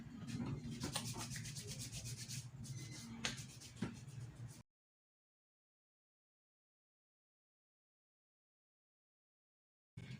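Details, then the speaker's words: Soft rapid rubbing and swishing of hands with alcohol-based hand rub, then silence: hand hygiene repeated before an intramuscular injection demonstration, with the baby held by the mother, before Hepatitis B vaccine at the outer mid-thigh. "to do again the hand hygiene using the alcohol-based hunger"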